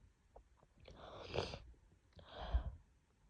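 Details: A sharp inhaled catch, then two explosive, wet bursts through nose and mouth from a woman coming down with a cold and worsening cough; sneezing.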